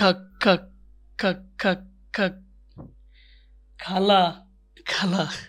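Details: Acted stuttering imitation in a comedic Bengali portrayal, with repeated syllables before a word during a phone call.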